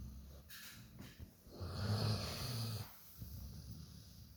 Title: Dog snoring loud🤣